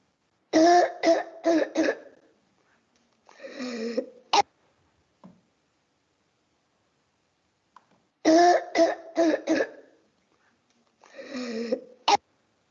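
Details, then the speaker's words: Croup barking cough, from laryngitis or laryngotracheitis/laryngotracheobronchitis causing swelling below the vocal cords, played in a teaching session; harsh, hoarse, dog-like cough bursts, same recording twice. "por eso es que se conoce como una tos ronca o perruna no esté aquí la tenemos de acuerdo vamos a escucharla"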